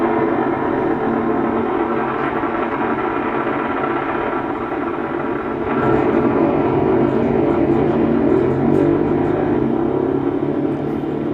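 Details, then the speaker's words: During needle EMG in a research study on diagnosing suspected MND, the speaker gives a steady, machine-like droning buzz, shortly after fibrillations and positive sharp waves were seen nearby: complex repetitive discharge from denervated muscle. "That's a complex compressive discharge there. So what's causing that? Again, that's denervated muscle."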